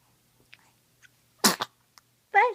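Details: Baby girl cooing and sneezing: faint baby sounds, then a sharp double sneeze burst followed by a short coo.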